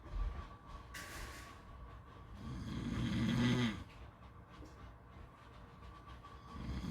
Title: Beach snoring sounds